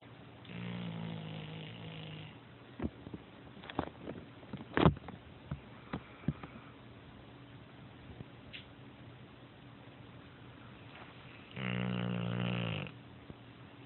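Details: Snoring during sleep: two long, low, rattling snores about ten seconds apart, with scattered soft clicks and shuffling between them in a quiet room.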